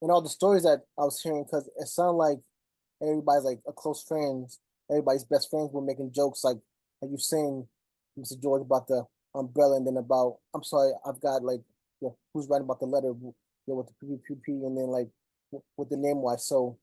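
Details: Stuttering in a 25-year-old who stutters, speaking spontaneously in a group discussion among people who stutter.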